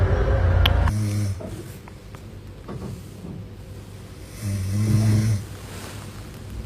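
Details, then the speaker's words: Man snoring while asleep on a trip: loud, deep, rumbling snores about four seconds apart, with background noise between; heavy snoring. "quand on porte transforme la mosquée l'hôtel et le bus en salle de concert à cause de ses ronflements vas-y tu res même ici"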